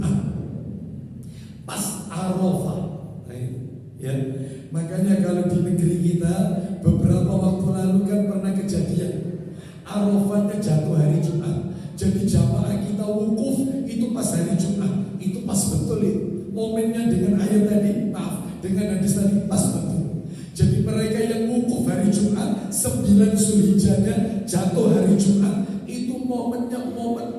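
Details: Adult male with a vocal cord disorder for almost 2 months, real, reportedly improved but still strained and forced; dysphonia.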